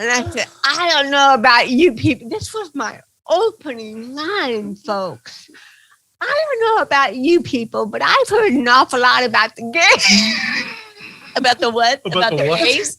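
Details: Dysarthria in an adult woman with cerebral palsy, a stand-up comedian.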